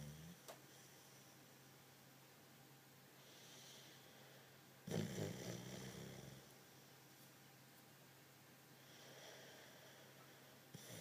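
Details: A sleeping dog snoring and dreaming a bit: quiet breathing with one louder, rumbling, snort-like snore midway, over steady room hum; mild snoring.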